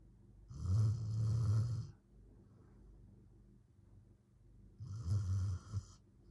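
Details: A 13-year-7-month-old border collie in a deep morning sleep: two low, rumbling snores about four seconds apart, roughly 14 breaths a minute, with quiet breathing between.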